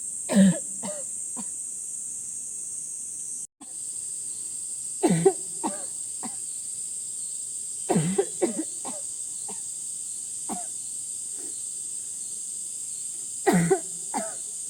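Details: Woman whose body is weakened by illness coughing: four clusters of short coughs over a steady high background hiss, repeated coughing fits.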